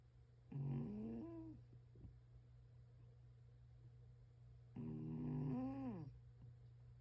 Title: Cat snores LOUD at home office - Zoom call colleagues asked about the “interesting background”